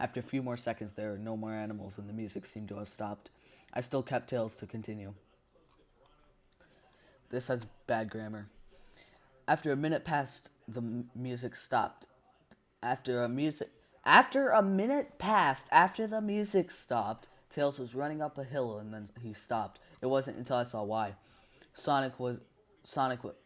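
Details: Stuttering in a male narrator reading a story aloud, who says his stutter is getting kind of bad and that he will take a break because of it.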